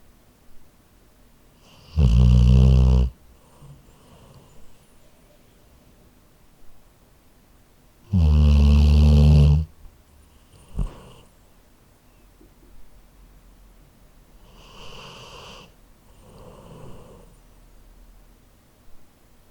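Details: Labrador dog snoring while asleep, recorded on an H4n handheld recorder: two loud, deep, rattling snores about six seconds apart, then softer snuffly breaths.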